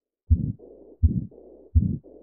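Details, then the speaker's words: Teaching example of combined systolic and diastolic murmur: heartbeat about 83 a minute with continuous whooshing through both phases and muddied, unclean S1 and S2, as if blood squirts where it shouldn't. "And that junk sounds like blood is just squirting all over the place. Not good."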